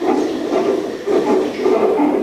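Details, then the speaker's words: Fetal heartbeat in a delivery room, picked up by wireless sensors of a cardiotocography monitor measuring fetal heart rate and uterine contractions: rapid whooshing, galloping pulses. "цей звук що ми зараз чуємо це ми чуємо серцебиття дитинки за допомогою безпровідних датчиків"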